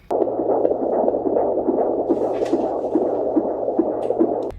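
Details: Fast, whooshing rhythmic pulses, roughly 140 a minute, over a steady hum: fetal heartbeat on Doppler at a 26-week pregnancy appointment, the same visit as a gestational diabetes glucose test.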